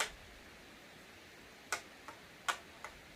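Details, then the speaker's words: Sharp, dry snapping clicks, alternating louder and softer, demonstrating an internal snapping hip as the iliopsoas tendon flicks over the anterior inferior iliac spine when the raised leg is lowered; tight iliacus and psoas muscles. "이렇게 소리가 나는 것입니다 바로 이럴 때는 위쪽에 있는 근육을 부드럽게 풀어 주셔야 됩니다"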